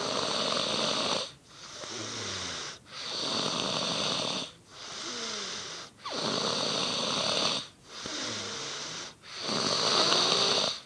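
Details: Person snoring: loud continuous harsh rasping snoring on both inhalation and exhalation, with brief gaps between breaths; heavy snoring.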